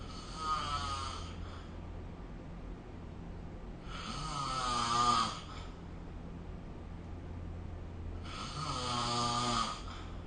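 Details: Snoring during sleep recorded with the SnoreLab app: three long, rattling, tonal breaths over ten seconds, about 14 a minute, separated by quiet pauses with steady low room hum.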